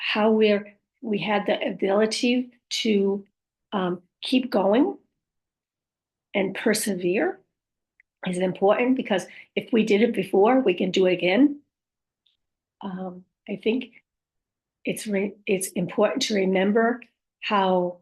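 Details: Speech of a female stroke survivor who reports aphasia, apraxia of speech and dysarthria; aphasia with apraxia of speech and dysarthria.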